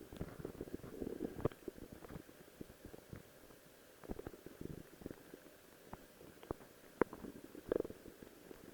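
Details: Stomach growling recorded while wearing a Rose cosplay outfit: soft gurgles, rumbles and scattered pops from the belly in a quiet room; ordinary borborygmi.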